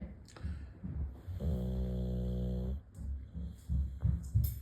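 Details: Boxer dog snoring: loud, low rattling snore with a long buzzing inhalation, then snorting breaths; snoring in a short-nosed dog.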